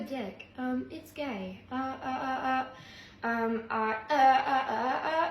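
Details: Phrase vocal tic interrupting speech in a person with Tourette syndrome (chronic whistler), tics heavier after suppressing them for a while.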